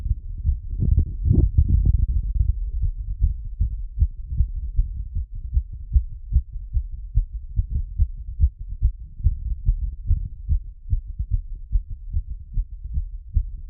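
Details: Stethoscope auscultation of the heart after a workout plus squats: fast, strong, regular low thumps, roughly 140 beats a minute, a racing heartbeat after exercise.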